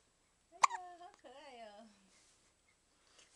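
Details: A baby hiccuping; she hiccups often and did so even in the womb. A sudden sharp voiced catch is followed by a brief soft vocal sound.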